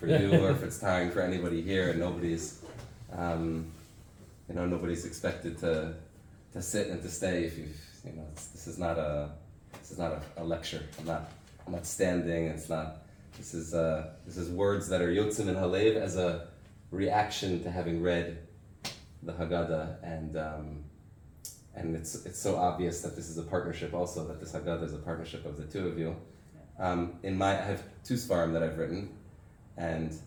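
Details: Adult man with aphasia after a stroke six years earlier that also caused memory loss and loss of use of an arm; has difficulty speaking, reading and writing; reading a prepared text aloud; aphasia after stroke.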